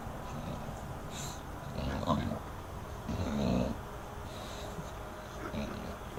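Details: English bulldog asleep; soft, irregular low snorting breaths against steady room noise. Snoring.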